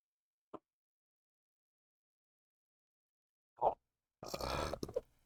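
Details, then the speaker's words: Two brief gulping throat sounds, then a short, rough burp while drinking melon ramune soda, eight days after Botox treatment for retrograde cricopharyngeus dysfunction (no-burp syndrome); a belch. "Wow, that certainly got some stuff out. Oh, maybe anticlimactic."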